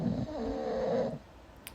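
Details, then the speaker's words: Adult's own snoring recorded overnight by a snore-tracking phone app and played back from the phone. "Anyway, I don't know if you can hear this, but here's some of my epic snoring."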